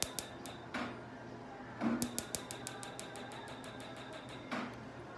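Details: Pico laser firing during a second eyebrow tattoo removal treatment, patient's eyes closed; rapid, regular sharp snapping clicks of laser pulses in a quiet room.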